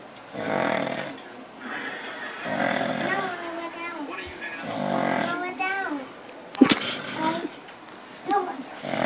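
Loud, rough snoring sounds every couple of seconds with a child's voice and laughter overlapping; adult snoring.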